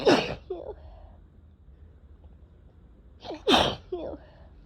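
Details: Two forceful wet sneezes, each followed by a short vocal sound, from a person getting sick with a cold after a day of persistent itchy, tickly nose; cold sneezing.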